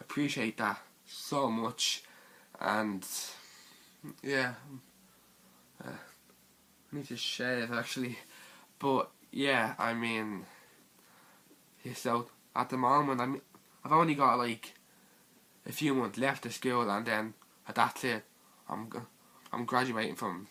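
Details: Teenage boy with stuttering.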